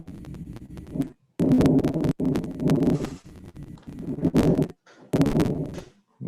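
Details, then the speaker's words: Simulated female patient with marked dyspnea, rhythmic heart without arrhythmia or murmur; lung auscultation with repeated breaths carrying fine crackles bilaterally at the lung bases, consistent with congestion. "Marilza, o que você achou dessa ausculta pulmonar? a presença de crepitantes bilateralmente nas bases dos hemitórax?"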